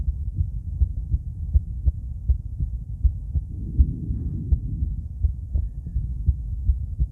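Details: Female heart auscultated with different stethoscopes at Erb's point, mitral, tricuspid, aortic and pulmonic areas: regular low thumps about 80 a minute with faint hum; normal heart sounds.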